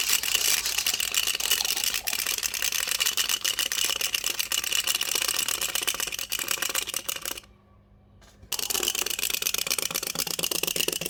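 Dense, rapid gritty clicking and scraping, continuous apart from a one-second pause, fits teeth grinding (bruxism).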